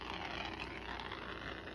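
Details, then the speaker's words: Suction machine running steadily with a whirring motor hum and airy hiss during tracheostomy suctioning practice by a nursing student in a skills check-off; catheter enters without suction, then intermittent suction on withdrawal for 10–15 seconds per pass. "and enter without suction and on my way out i'm going to intermittent suction i'm going to be doing this for 10 to 15 seconds each pass"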